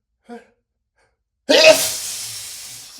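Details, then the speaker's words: Man in a repeated sneezing fit, tried stopping sneezes with finger under nose: brief sound, a pause, then one forceful, explosive sneeze in a small room. "Going to sneeze. Oh, no. Here comes another sneeze."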